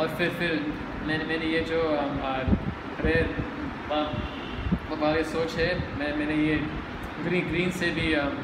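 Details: Adult male speaker; stuttering.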